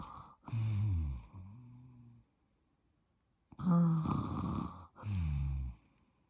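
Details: Adult man (the filmer's dad) sleeping, with soft, irregular low snores and groaning breaths with brief pauses in a quiet room; light snoring.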